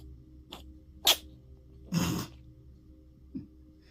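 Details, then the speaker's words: Cat gives a small, sharp sneeze with a quieter puff before it, then scratches and lies back down; scratching sounds and low room hum. "Did you have a little sneeze there? And a scratch. And back to the lay down."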